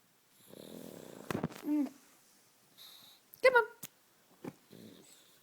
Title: Reggie snoring